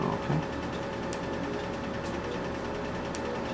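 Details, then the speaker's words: Q-switched Nd:YAG laser treating solar lentigines on a patient's hands, set to 1 Hz: sharp single clicks about once a second over a machine hum, slower than at the earlier higher rate. "Set it to like 1, just so you can hear the difference in clicks."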